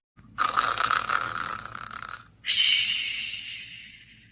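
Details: Sox, a tired pet resting: two soft, airy, hissing breaths, one in and one out, with a light snoring quality; gentle snoring.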